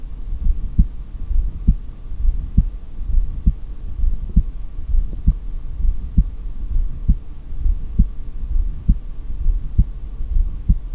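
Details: Heartbeat heard through a stethoscope during an exhaled breath-hold: steady low heart thumps at about 67 beats a minute over a faint hum, no breath sounds, with stomach growls also in the recording.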